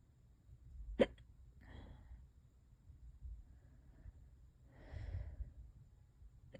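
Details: Hiccups lasting hours and getting worse, described as the worst ever: a sharp hiccup snap followed by breathy sighs in a quiet room.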